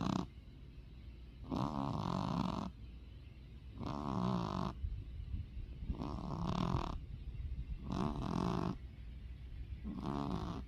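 Rhythmic rattling snores with snorting, about five breaths in ten seconds, roughly 28 a minute, from a sleeping cat; snoring.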